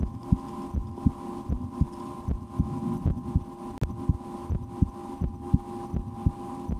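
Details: Own heartbeat heard through a stethoscope in a relaxation recording, breath held a couple of times while trying to speed the heart: steady soft heartbeat about 80 a minute over a constant low hum; normal heart sounds.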